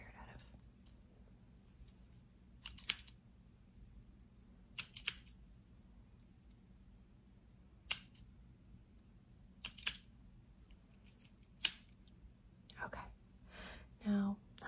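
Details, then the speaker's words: Several faint, sharp scissor snips spaced seconds apart in a quiet room during the hearing part of a cranial nerve exam; the patient reports each snip heard and which ear. "now I want you add this pair of little scissors I want you to tell me when you hear the scissors snip okay so and also what ear you hear"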